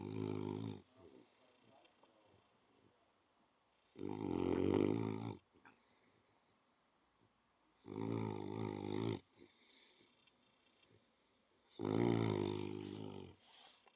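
Loud, rumbling snores from a sleeping dog, four long rattling bursts about every four seconds.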